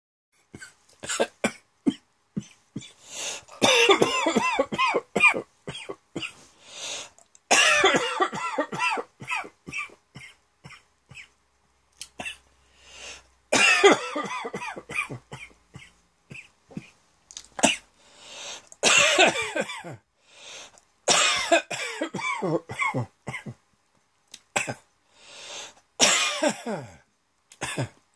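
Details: Person working at a computer caught by a sudden throat tickle: repeated dry, hacking coughs in clustered fits, a throat tickle cough.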